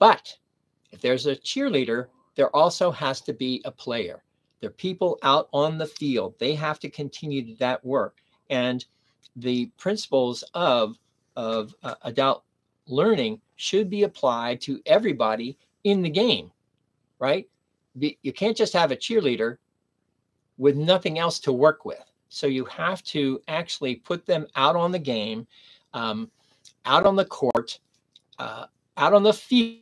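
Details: Adult man with aphasia after a stroke at age 59, nearly 11 years earlier, speaking in the later recovery period; aphasia.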